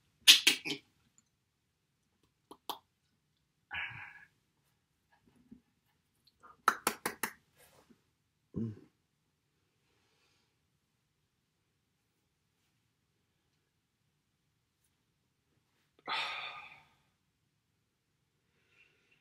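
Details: Person with Tourette syndrome recording an episode: coprolalia, obscenities and words in Russian and English, phonic, obsessive and motor tics.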